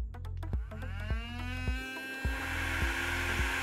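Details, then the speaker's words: De Soutter Medical CC7 cast saw with extraction unit starting up in auto mode after the standby button is pressed: a steady motor hum with a rising whine as the saw spins up, with regular rhythmic pulses from the extractor. "at this stage the tool is in auto so once i press the standby button the tool will fire up"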